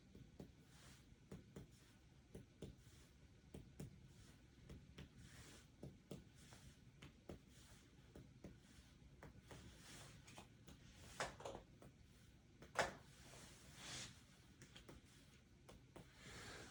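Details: Normal resonant percussion note over the chest of an adult without respiratory symptoms, during a nurse practitioner's respiratory assessment.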